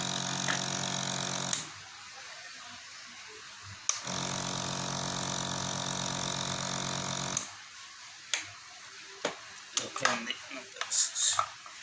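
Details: Loud buzzing motor hum from a piston compressor nebulizer switched on twice for a few seconds each during unboxing, then handling clicks.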